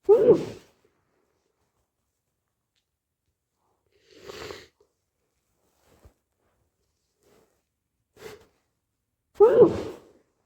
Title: stuffy/congested cold sneezes